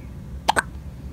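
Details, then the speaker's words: Hiccups in a newborn less than a day old: two quick, sharp hiccup sounds in a quiet room. "So far, we have seen his first hiccups. Here are his first out of womb hiccups. It sounds like he's saying hiccup."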